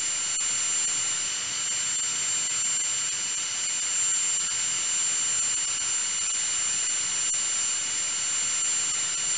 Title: Dentist Drill Sound | 1 HOUR